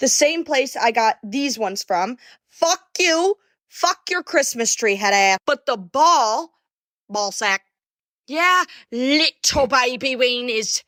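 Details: Vocal tics with coprolalia (involuntary swearing and phrase tics) in a young woman who reports Tourette syndrome; the hosts question whether her Tourette's is genuine.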